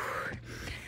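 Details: Real pursed lip breathing after a two-mile run: hard, blowing breaths through pursed lips with a drawn-out exhalation that prolongs expiration to offload CO2 in a hypercarbic state.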